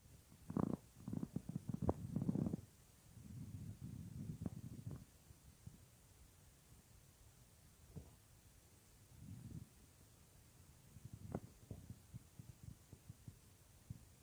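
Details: Real stomach growling of a female creator, recorded as roleplay audio of lying on her stomach: soft, scattered gurgles and low rumbles in a quiet room, ordinary borborygmi.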